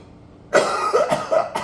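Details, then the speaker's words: Little hacking cough from an adult man who was very sick the previous week, heard while he kickstarts motorcycles. "I was sick as hell last week. For those of y'all that have been keeping up, that little hacking cou"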